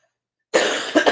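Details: Adult with a raspy voice during a live stream: after brief silence, one harsh throat-clearing cough with two short follow-up bursts.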